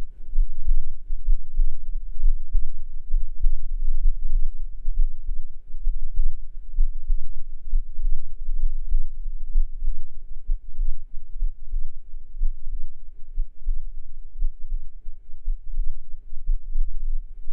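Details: Muffled, low thumping heartbeat at about 64 beats a minute, recorded through a binaural microphone in a noisy close-microphone recording that is described as having poor sound quality.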